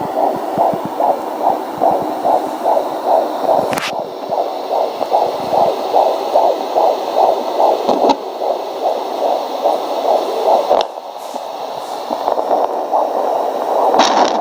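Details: Fetal heartbeat on a home fetal Doppler at 18 weeks in a 35-year-old's first pregnancy, a boy: rapid, regular whooshing pulses, about 150 per minute. Normal fetal heart rate.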